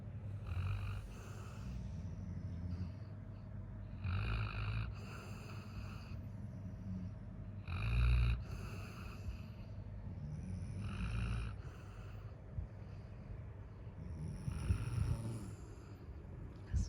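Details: Labrador dog asleep after playing all day, snoring loudly: low, rumbling snores with snorting breaths, about five in seventeen seconds, over steady room noise.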